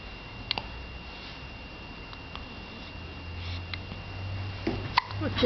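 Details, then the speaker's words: Soft, brief catching sounds of hiccups from a baby, with quiet room noise and a parent's voice. "oops. Bless you. You got the hiccups? Uh-oh."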